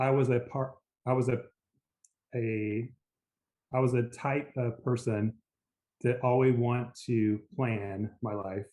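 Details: Aphasia after a stroke in an adult man, a lawyer; initially global aphasia with speech limited to "yes," now recovered in part.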